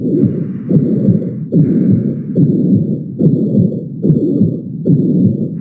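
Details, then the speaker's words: Mitral regurgitation: holosystolic murmur whose intensity increases at the mitral focus, sounding in systole. "evidente como la intensidad aumenta cuando estamos en el foco respectivo aquí se trata claramente de una patología mitral y como suena en en sístole estaríamos hablando de una insuficiencia mitral"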